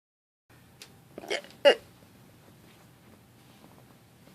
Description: I was curious as to what my hiccups sounded like.